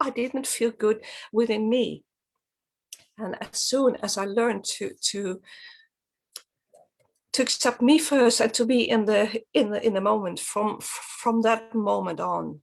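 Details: Adult woman from Sweden who stutters; stuttering.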